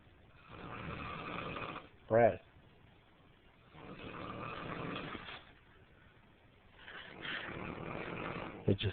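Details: Loud, rough snoring fit at 1:15 a.m. in a hotel room, snores roughly every three seconds with a brief sharp noise between; so loud the listener could barely think.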